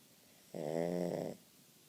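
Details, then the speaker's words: Deep snoring: a single deep, droning snore lasting under a second against a quiet room. "you snoring. You snoring. you snoring, buddy."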